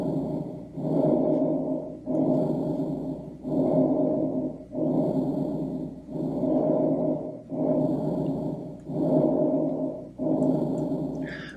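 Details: Normal vesicular breath sounds.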